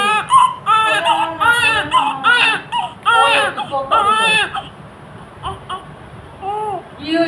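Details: Baby crying: repeated high-pitched wailing cries with pauses for breath, and softer whimpers toward the end.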